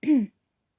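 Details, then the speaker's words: Single short voiced cough, almost a throat clear, with a falling tone, from an adult recovering from a really bad cold, with lingering throat symptoms. "just recovering from a really bad cold um so apologize that i keep coughing and you can hear it in my throat"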